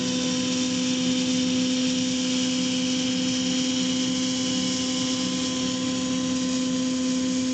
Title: Vintage EMESCO No. 90N Dentist Dental Drill / Tool - Medical Device